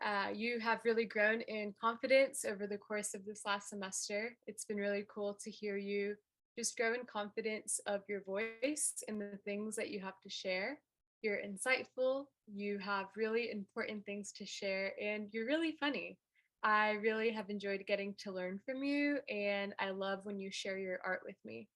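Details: Adult woman speaking; ordinary fluent speech.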